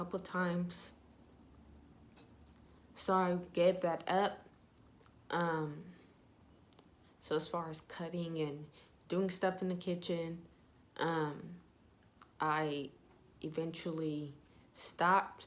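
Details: Young woman with self-reported ataxia type 46, with symptoms beginning in high school, who says her voice trembles whenever she talks; voice tremor (ataxic speech).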